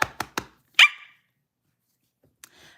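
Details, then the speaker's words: Girl with Tourette syndrome during a livestream; three quick clipped sounds, then a single high-pitched bark-like yelp, her barking vocal tic, which she says is always high-pitched, never deep. "Do you ever bark deep? No, it's always high pitched."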